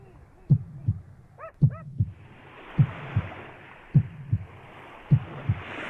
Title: стук сердца